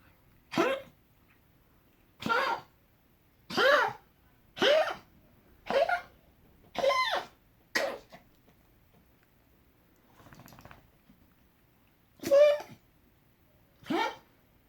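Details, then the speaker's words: Sneezing fit, longest ever for this individual, who usually gets gagging fits on waking and shifting position; something irritated the nose today. Nine sharp explosive bursts, mostly sneezes, with a faint snuffle between; sneezing. "You all done? You look like you got sneezes today. This is the longest you've ever sneezed, baby."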